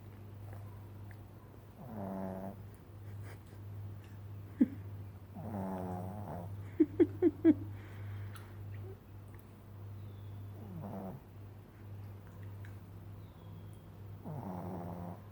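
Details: Slow, low rattling breaths repeating every few seconds over a steady room hum, with a few sharp clicks; snoring from a sleeping pet.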